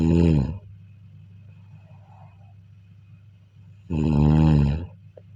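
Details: Loud, deep, rattling snores during sleep roughly every four seconds, separated by quiet breathing; snoring.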